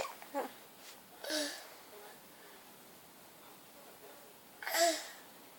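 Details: Ordinary sneezing: two sharp, airy sneeze bursts a few seconds apart, with a small sound before the first.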